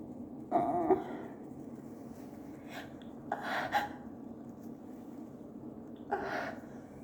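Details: Adult with allergies at work, unable to stop sneezing, with very wet sneezes: several short, sharp bursts of breath against steady room noise; run of allergic sneezing.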